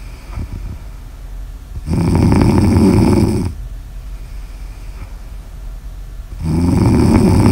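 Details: Snoring ASMR audio recording: two loud, rough, fluttering snores on breathing in, about 4.5 seconds apart, with quieter breathing out between; snoring.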